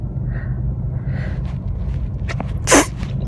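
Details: While driving, a person with an itchy nose and watering eyes gives a couple of quick inhaled catches, then one forceful explosive sneeze over steady car-engine rumble.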